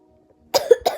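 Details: A brief, sharp cough of two quick bursts after half a second of near silence, at the end of speaking.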